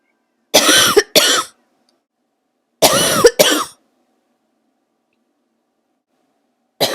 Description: An old video from when I was sick, and my throaty cough turned into barking for the first time.